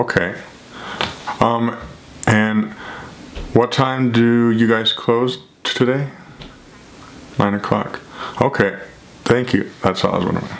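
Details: Adult who stutters, speaking in a real phone call to a shoe store as part of a daily stuttering video project; stuttering.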